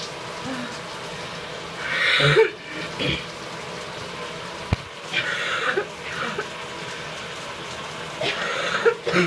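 Harsh, wet coughing and hawking bursts with spitting, over steady running-water noise: a productive cough bringing up phlegm.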